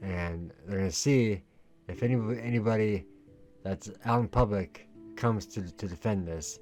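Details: Male with a lifelong stutter that was worse in middle school, treated by a speech therapist in elementary school, with severity varying day to day: stuttering.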